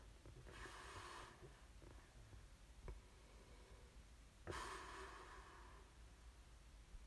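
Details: Two loud, rough breathing noises a few seconds apart in a quiet room; snoring during sleep, from an ASMR snoring recording.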